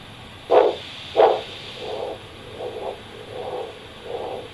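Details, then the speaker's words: Doppler blood pressure at the brachial artery in a patient with a ventricular assist device (LVAD), using a handheld ultrasound Doppler; soft rhythmic whooshing pulses, about 90 a minute, return as the cuff deflates, and the first whoosh marks mean arterial pressure. "slowly release the pressure from the cuff when you hear your first alternating whooshing sound that will be recorded as your mean arterial"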